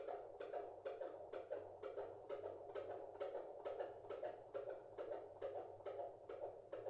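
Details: Pregnant woman's Doppler exam by midwife: distinctly faster fetal heartbeat than the mother's placental pulse, rapid regular whooshing beats at 140 per minute; baby wriggles in response; normal fetal heartbeat.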